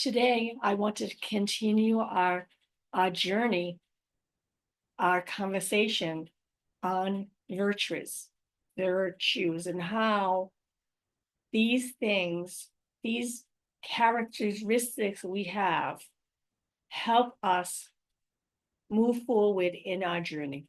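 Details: Adult woman with aphasia, apraxia of speech and dysarthria after a stroke in May 2019; real patient speaking about her own condition.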